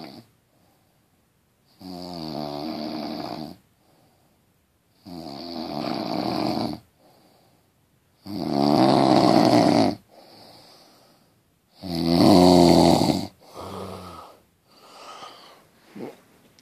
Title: Snoring keeps you awake